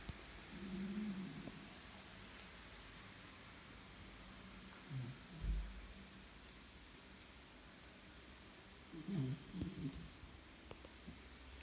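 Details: Sleeping 4-month-old brown Labrador puppy, described as snoring loudly: low, rough noises on breathing in, a few spaced irregularly over several seconds, over steady room hiss; snoring.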